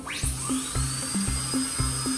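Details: High-pitched rising whine of a dental high-speed handpiece spinning up, over a steady rhythmic musical beat; the feared dental-clinic drill sound.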